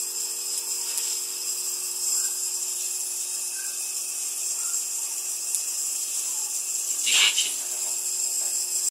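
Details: Steady high-pitched hiss and whine from a running nebulizer giving medication to a mini Shih Tzu dog with a cold, faint brief rustle near the end; nebulizer running.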